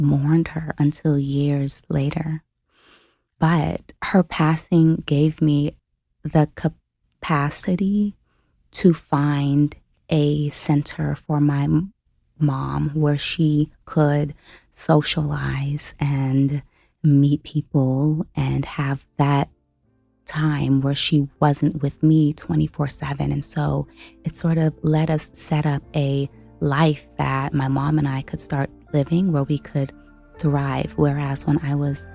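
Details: Stuttering in an adult woman, a caregiver who became full-time at 29, who self-reports having a stutter in conversational speech.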